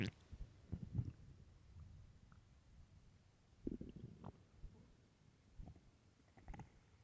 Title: late night stomach growls